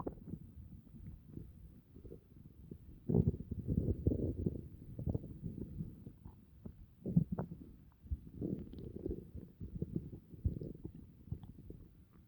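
Low gurgling and rumbling in irregular bursts, typical stomach noises after a meal as the gut moves food and gas.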